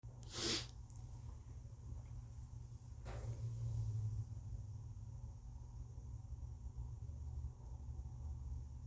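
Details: Congested person inducing sneezes with a tissue: two sneezes, one loud and explosive, then a weaker one, followed by sniffly breathing over a low background rumble.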